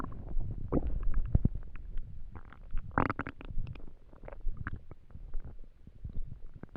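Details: Stomach noises from an empty stomach while trying to sleep: low continuous gurgling and rumbling with bubbly squeaks.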